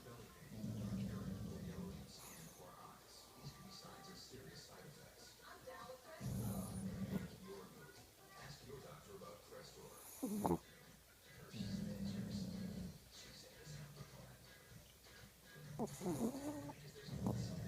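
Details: Two sleeping dogs snoring: low rumbling breaths repeating every few seconds over faint background sound.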